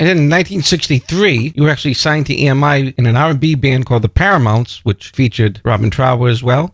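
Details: Adult male speaker; normal voice.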